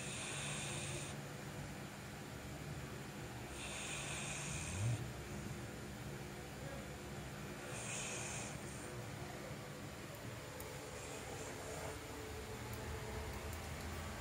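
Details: Exhausted Bullmastiff resting and snoring with a rough, hissing noise about every four seconds over low background hum.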